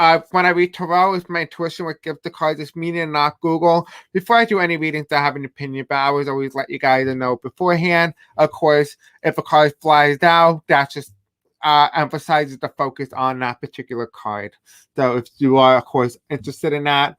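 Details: Deaf speech in an adult male host who says he has a deaf accent and has a hard time pronouncing certain words.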